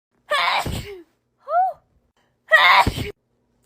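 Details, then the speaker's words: Two sharp, explosive sneezes with a brief voiced sound between them; ordinary natural sneezing. "well I hope you enjoyed that anyway hold on I just sneezed again"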